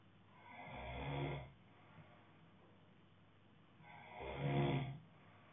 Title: Snoring guy 2